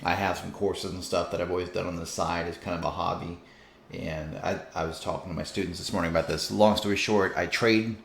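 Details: Adult man's self-reported stutter: a brief, isolated disfluency he calls the first in probably 20 years, otherwise fluent speech.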